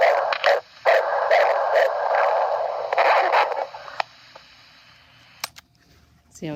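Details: Normal fetal heartbeat heard on a Doppler probe: rapid whooshing pulses at about 140 per minute.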